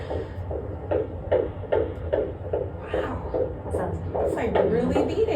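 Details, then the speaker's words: Fetal heartbeat of a baby boy on Doppler: rapid, steady whooshing thumps at about 150 per minute over a low hum, described as a strong heart. "They sound so cute. Congratulations, Dad. A strong heart. Yeah, strong heart."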